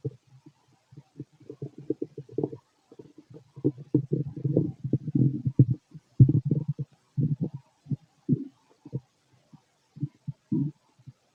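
Almost continuous low bubbling gurgles and rumbles from the abdomen; normal bowel sounds of digestion.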